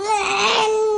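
A steady, high-pitched infant wail holds one clear tone for about a second. It is protest crying during airway clearance rather than a pain cry, and it stops once the handling stops.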